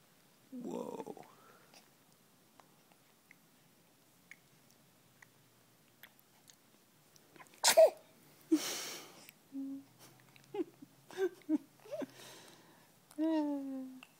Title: Cutest sneeze ever